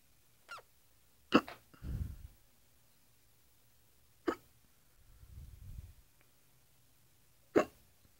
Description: My wife has the hiccups, because eat pizza OMG!